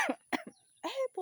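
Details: Imitated (pretend) cough made on purpose by a person.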